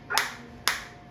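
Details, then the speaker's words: Biotronix focused shockwave therapy applicator on the operator's own hand, frequency 120, 1500 shots set, intensity being raised from minimum through levels 1–3 with audible sound change: two sharp snapping clicks about half a second apart. "Three आप देख सकते हैं change sound में भी और मेरे को feel में भी आ रहा है।"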